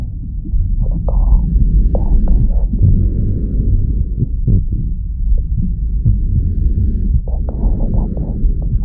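Deep muffled whooshing rumble with a soft, loosely regular pulse near 76 a minute: womb sounds carrying the maternal heartbeat, from an ambient soundscape.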